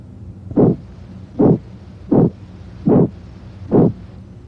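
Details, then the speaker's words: Abdominal bruit heard by stethoscope: regular soft whooshing bursts about 77/min from turbulent arterial flow; in hypertension raises suspicion of renal artery stenosis, though most bruits have other causes. "in a patient with hypertension a brewery raises suspicion of renal artery stenosis but most brewes have other causes"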